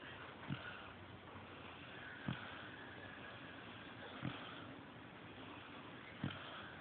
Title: snoring